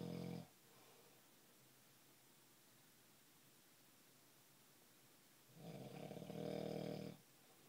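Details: Rough, vibrating snores separated by a long quiet pause in a quiet room; snoring during sleep.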